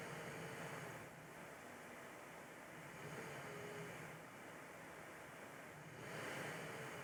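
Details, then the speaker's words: ResVent iBreeze CPAP/APAP airflow hiss at 10 cm water surging and fading unevenly, cutting out and ramping up hard, while the user breathes unchanged; erratic pressure delivery instead of continuous flow. "so do you hear how variable that is i'm not doing anything to alter my breathing and it's cutting out and like ramping up really hard it should be pretty continuous it's just off"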